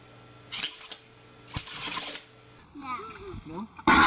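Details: Compilation of animal sneezes: several short, sharp, breathy bursts, then squeaky animal vocal sounds and another loud burst at the end, in a quiet room.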